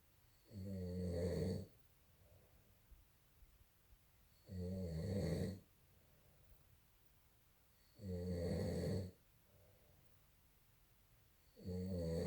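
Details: Adult snoring, recorded November 2018: loud rattling snores on each in-breath, about 17 a minute, with quiet breathing out between them; snoring.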